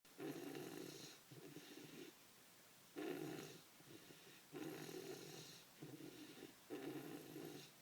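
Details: Soft, regular, raspy snores with both breath in and out audible, a cycle every few seconds; quiet snoring during sleep.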